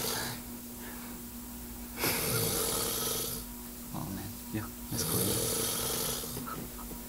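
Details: Loud, harsh, rattling snores about one and a half seconds long, repeating roughly every three seconds, with some room noise.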